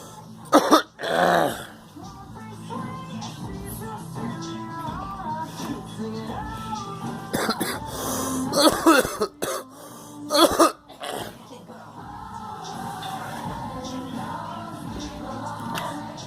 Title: Girl coughing